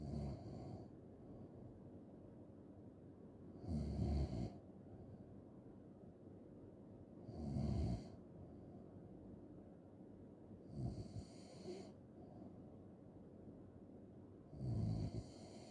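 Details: Loud, rough snoring roughly every 3.5 seconds, about 17 breaths a minute, with quiet gaps between; ordinary heavy snoring in a snoring ASMR recording.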